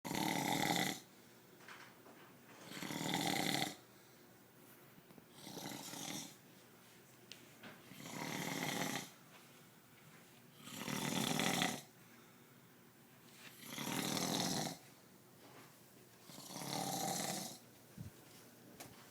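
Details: Adult man (a father) snoring: loud, rough, rattling snores about every two and a half seconds, roughly 23 a minute, with quiet breathing between them.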